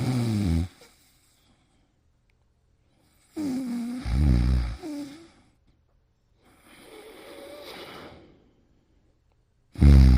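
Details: Snoring: loud, low, fluttering snores on the in-breaths with quiet gaps between them, about four breaths heard.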